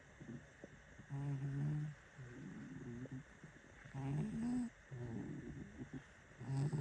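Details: Snoring from a sleeping cat, a heavy sleeper: snoring.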